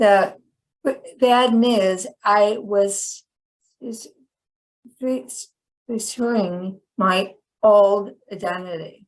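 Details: Chronic post-stroke aphasia in a woman about 10 years after a stroke that initially left her hemiplegic and unable to speak.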